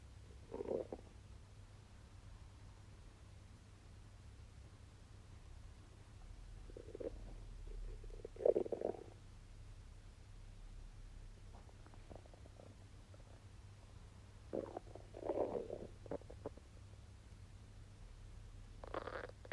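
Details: Intermittent gurgling and rumbling adult bowel sounds while digesting a wagyu steak meal, from a 3-minute stomach-noise recording.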